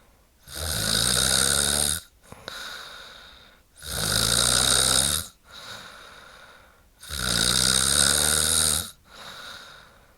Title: woman snoring noise